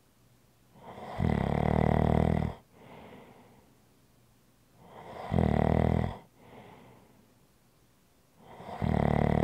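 Loud, low, rattling snores on each breath in, with quieter breaths out between them, about three breaths in nine seconds.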